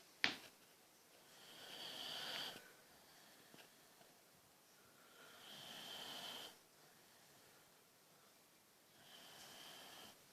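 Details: Snoring: three soft, hissing breaths a few seconds apart in a quiet room, a light snore from a very tired, sleeping boxer dog.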